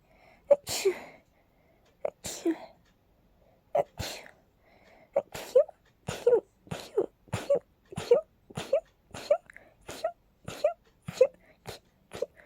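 A rapid run of about fifteen sharp sneezes in twelve seconds, coming faster toward the end: a sneezing fit from allergies.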